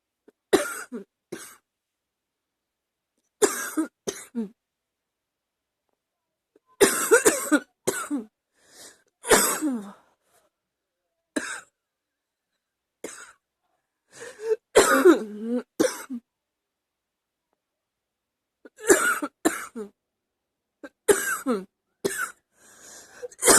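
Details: Adult coughing repeatedly in clusters, loose chesty coughs with a cough building in the chest, getting hard to stop; continuation of an earlier coughing episode.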